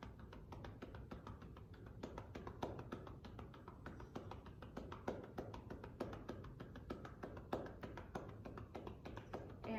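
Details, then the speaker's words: End of a 90-second demonstration of manual cupped-hand chest percussion over the left lower lobe posterior segment, volunteer prone on a table: rapid hollow clapping, about four a second, for airway clearance, followed by vibration. "we are done with our percussion"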